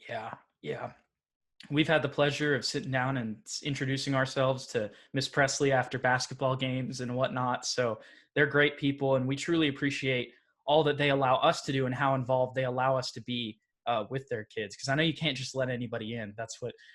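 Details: Adult male speaker; ordinary speech.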